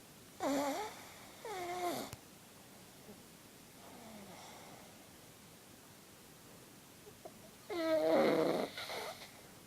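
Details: Sleeping pug snoring: loud, rattling, snorting breath sounds in two bursts, with a quiet stretch between them.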